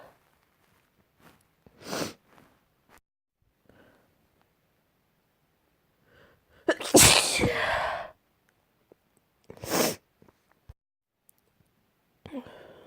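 Three sharp, explosive sneezes with quiet breaths between them, one long and forceful.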